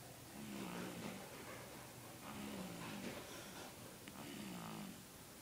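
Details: Child (daughter) asleep: low rumbling sleep breaths with a throaty rattle, about three snores in five seconds, over faint room noise; snoring.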